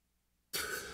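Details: A single abrupt, harsh throat-clearing or cough burst after half a second of near silence, from an adult with hoarseness who is still getting over a cold: throat clearing.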